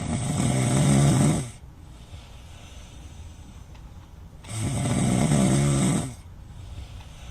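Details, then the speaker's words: Two loud, low rattling snores on inspiration, about 1.5 seconds each, with quieter breathing between, from a man, shown as typical snoring in a clip about sleep apnea. ">> Do you find yourself snoring? Just as this man you know, in the video."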